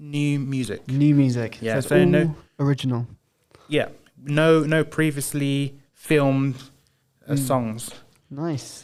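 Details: Man with Broca's aphasia since a 2010 haemorrhagic stroke while playing high school rugby, about 15 years on; initially only yes/no/maybe with slurred speech; knows what to say but struggles to produce it; Broca's (non-fluent) aphasia.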